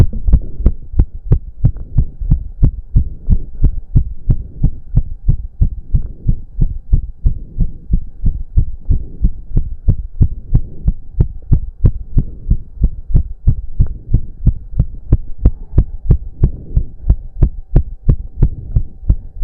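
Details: Male during a roughly 15-minute intense cardio workout, with heavy breathing. Fast, regular, pounding heartbeat of about 180 bpm over a low hum; reported close to 200 bpm. Sinus tachycardia.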